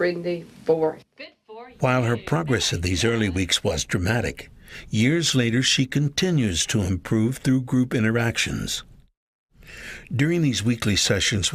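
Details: Adult narrator; normal speech.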